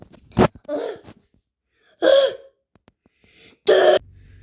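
Three short, sharp sneezes, played back at double speed, so they sound higher and quicker.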